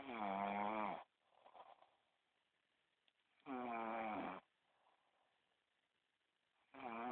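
Loud, buzzing, vibrating snores on each breath, about 18 a minute, separated by quiet exhalations.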